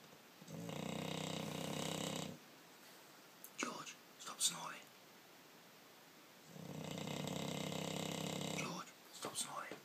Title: British bulldog George snoring